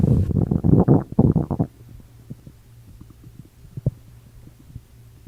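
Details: Bowel sounds (borborygmi), stomach noises after drinking prune juice and eating dried fruit.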